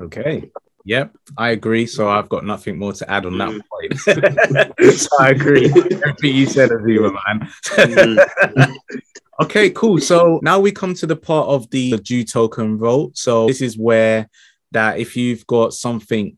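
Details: Adult male speakers in conversation; ordinary fluent speech.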